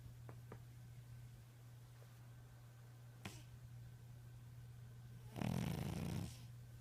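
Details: A single low, rattling snore from a sleeping tabby cat over a steady background hum.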